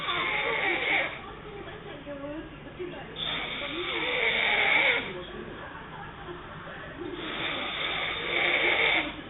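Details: An adult woman (girlfriend) snoring hard during sleep: loud, rasping snores in slow cycles, about three in ten seconds, with quieter gaps between.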